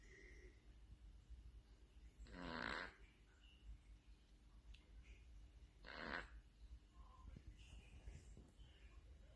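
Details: A sleeping cat breathes at roughly 17 breaths a minute, with two harsh, rattling snores about 3.5 seconds apart, against faint room noise; snoring.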